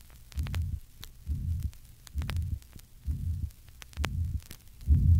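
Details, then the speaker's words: Patient with tricuspid regurgitation, heard at the fourth left intercostal space left of the sternum. Pansystolic murmur that grows louder with inspiration, recorded across inspiration and expiration. "in contrast to miter regurgitation loudness increases with inspiration listen to the effect of inspiration on the pan-systolic murmur in a patient with tricuspid regurgitation see figure 91."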